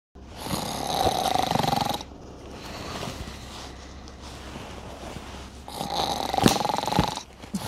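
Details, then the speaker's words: Snoring: two loud, rattling snores on breathing in, separated by a quieter stretch of breathing out. "Bye Guraka Dolby కన్నా ఎక్కువ sound వస్తుంది."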